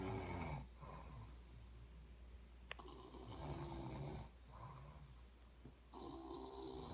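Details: Slow, rumbling snores every few seconds over a steady low room hum, from two people, a person and their dad, snoring together; snoring.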